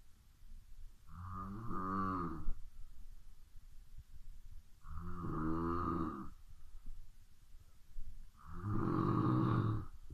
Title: Ronquidos a media noche.